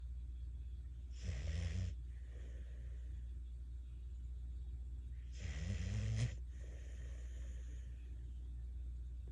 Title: Bentley snoring with his eyes open